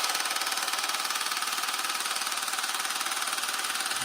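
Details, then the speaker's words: Loud, rapid, steady mechanical tapping of about 160 pulses a minute, like a small jackhammer, from a handheld at-home low-intensity shockwave device applied to a man's penis, who reports no pain; low-intensity shockwave therapy device operating. "Okay. So I have no pain on my penis right now, but I can't feel anything. All you guys can do is just hear how loud it is."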